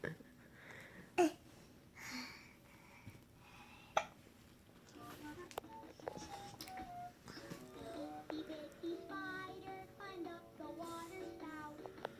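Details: An 18-month-old toddler hiccups during a morning book reading: two sharp, brief hiccup sounds, followed by a tinkly electronic tune in a small room.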